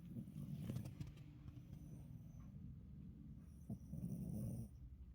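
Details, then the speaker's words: Snoring from Lucy, asleep on the bed at home after a vet visit for a small fatty tumor that was given a clean bill of health. "she can you hear her snore she's so happy to be home and she wants to sleep in Daddy's room don't you you want to sleep with Father"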